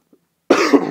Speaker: Sorry for my voice again and my coughing.